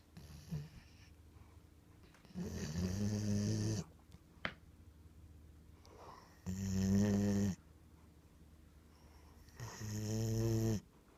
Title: snoring